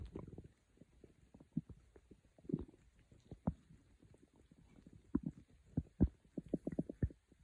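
Soft intermittent low gurgles and small bubbling pops throughout; quiet ordinary stomach growling.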